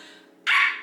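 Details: Woman with Tourette syndrome whose barking tic is triggered by thinking about or mentioning it; the tic is real and unplanned; vocal tic (barking).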